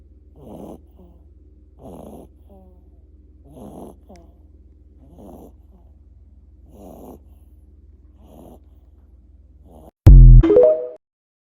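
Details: Soft, rhythmic snuffling snores about every one and a half seconds over a steady low hum, ending in a loud burst of noise: snoring.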